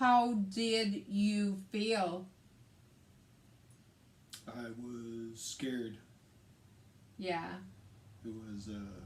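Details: Woman with aphasia affecting speech, reading and writing, plus right-sided hemiparesis, after a hemorrhagic stroke on May 19, 2020 treated with brain surgery and ICU care; aphasia.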